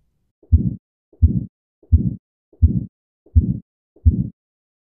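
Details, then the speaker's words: Aortic stenosis: a regular heartbeat with an ejection click, then a harsh crescendo-decrescendo systolic murmur that swells and fades each beat as blood flows through the narrowed valve. "since the blood has to flow through a narrow opening there's turbulence which creates noise or a murmur which gets initially louder as more blood flows past the opening and then quieter as the amount of blood flowing subsides because less remains in the ventricle this is called a crescendo decrescendo murmur"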